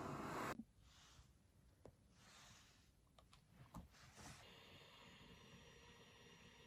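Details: Travel CPAP machine running: steady soft airflow hiss and hum with a few clicks and a brief beep.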